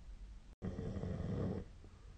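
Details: Adult snoring during sleep, recorded with the SnoreLab snore-tracking app on 2025/01/17: one low, rumbling snoring breath lasting about a second after a brief cut; snoring.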